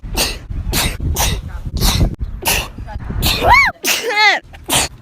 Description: Idk why but I’ve been recording some of my sneezes since last year and this is the result.